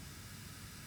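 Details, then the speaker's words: Suction catheter drawing lubricating saline up through the tube as the thumb turns suction on and off, during a simulated tracheostomy care and suctioning skill demonstration. "so you can tell when I lubricate suction is on because it's coming up through the tube and suction is off"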